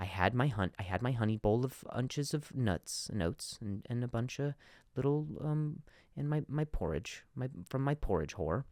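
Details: Adult male podcast host who stutters, repeating a word many times: stuttering.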